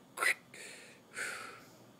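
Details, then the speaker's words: Simulated breath sounds of early fluid overload: a brief burst of velcro-like crackles at the very start of each inhalation (early inspiratory crackles), heard as the patient begins to retain fluid. "on inspiration, starting here when the patient begins to retain fluid you will hear early, inspiratory crackles in other words, at the start of inhalation you will hear crackles. (like the sound of velcro)"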